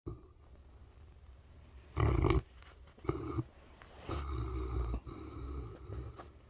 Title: Saint Bernard snores....❤️